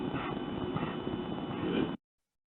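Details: Weak voluntary cough without stimulation from a C4 complete tetraplegic patient after spinal cord injury: a soft, drawn-out breathy push of air without a sharp explosive start.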